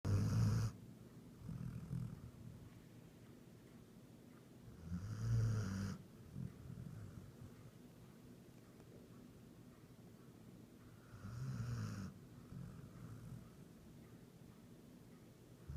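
Deep, rumbling snores recurring every five to six seconds, about 11 a minute, over a steady low background noise; ordinary sleep snoring.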